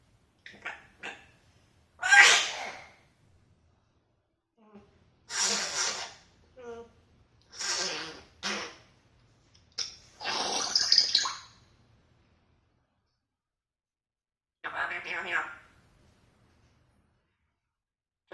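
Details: African grey parrot, hatched 2015, sneezing and talking: several short, sharp sneeze bursts separated by quiet gaps, with a few brief vocal sounds between them; ordinary sneezing.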